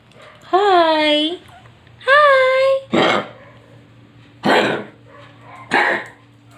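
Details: Old dog with congestive heart failure gives two drawn-out honking whines, then three harsh hacking coughs.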